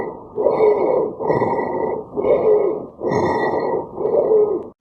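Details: Asthma patient, wheeze heard by stethoscope on the front of the chest in a step-ladder pattern: steady breathing with high, whistling musical tones through each phase, from narrowed airways.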